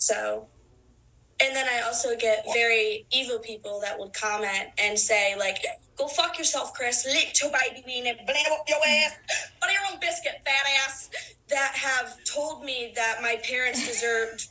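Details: Teenage girl with Tourette syndrome, with motor and phonic tics plus coprolalia, involuntary obscene and socially inappropriate vocalizations, during an interview; coprolalia in Tourette syndrome.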